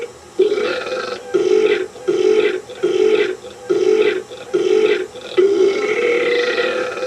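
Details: Burping in a deliberately silly 1986 home camcorder comedy skit: seven long, rhythmic, low-voiced belches in quick succession.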